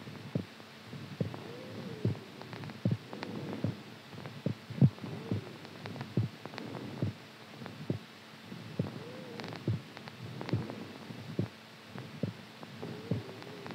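Steady, regular heartbeat thumps at about 72 a minute over a faint low hum.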